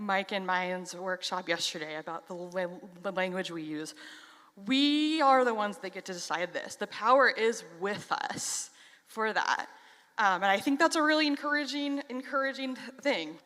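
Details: Stuttering in an adult who stutters.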